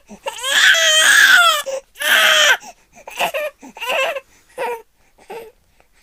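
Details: Baby girl crying: high-pitched wails, two long cries followed by shorter, choppier sobs.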